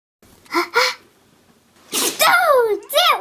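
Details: Puppy: two quick small sneezes, then squeaky yelps and whines; sneezing.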